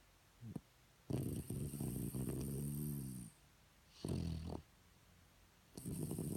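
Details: Shih Tzu dog snoring: deep, vibrating snorts and rumbling snores in irregular bursts with quiet gaps.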